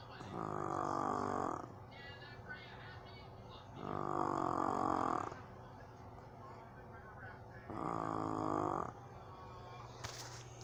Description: my jug dog snoring on my lap.